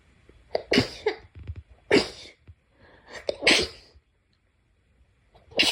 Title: sneeze 1-10